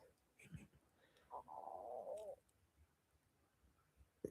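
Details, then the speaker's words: A single wavering, gurgling growl lasting about a second from an adult's stomach after a meal of chicken, peppers and onions: stomach rumbling (borborygmi). "Oh my god. Did that get my stomach crawling? Did you hear that? Why? Why? Is it all those peppers?"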